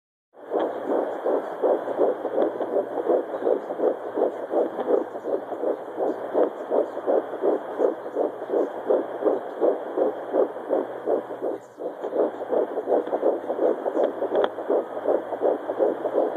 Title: 12 weeks heartbeat on fetal doppler